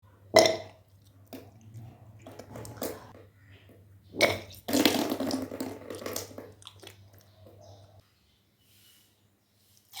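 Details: Two forceful retching bursts with gushing water, then splashing: deliberate regurgitation of drunk water during kunjal kriya, a yogic cleansing practice.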